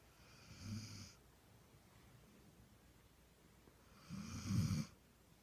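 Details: Female dog sleeping on her back gives two low, rumbling snores with a soft whistle, separated by quiet breathing, in a quiet room: dog snoring.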